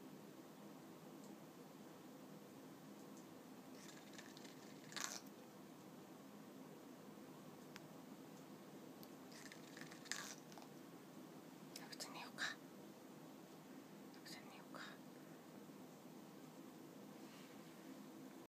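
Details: African grey parrot before sleep: soft, brief scraping and clicking bursts; normal sleepy beak grinding.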